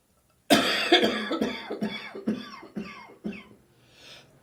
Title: Throaty Morning Cough: Cold approaching!